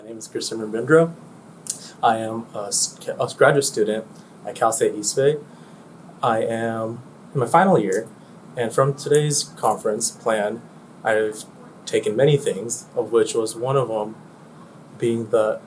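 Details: Adult male speaker; Normal speech.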